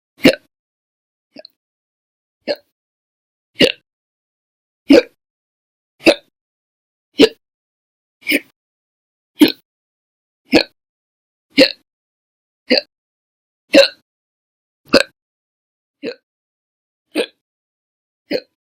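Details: Sharp, abrupt gulping hiccups, about 17 in under 20 seconds, roughly one a second, with silence between them; repeated hiccups.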